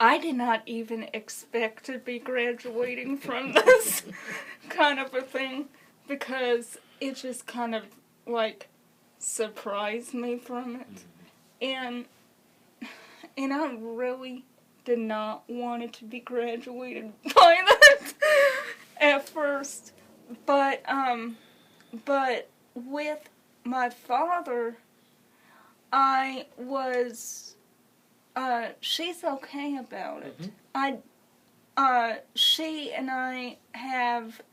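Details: Adult woman with congenital cerebral palsy, wheelchair user since early childhood, speaking hesitantly with repeated words and fillers; dysarthria (cerebral palsy).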